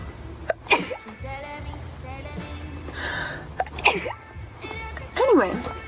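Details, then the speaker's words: Several sharp sneezes from a girl with quick breaths in between, over faint background music; tagged allergies and sinuses. "God bless myself I don't know why we say that"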